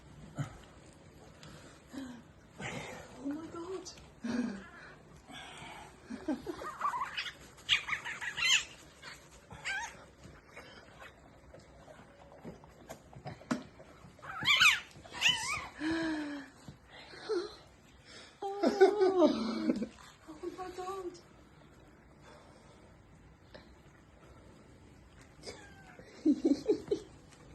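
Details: A newborn male puppy was stuck in the birth canal, delivered with assistance, and struggled to draw its first breath. It is rubbed vigorously to stimulate breathing, giving thin, high squeaks and short cries mixed with rubbing and handling noise.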